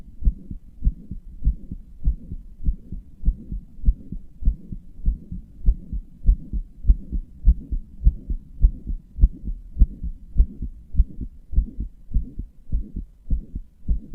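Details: Person's own heartbeat, self-described as a weak, inefficient heart that murmurs and palpitates; regular low heart sounds about 102 a minute with a soft whooshing noise between beats, a heart murmur.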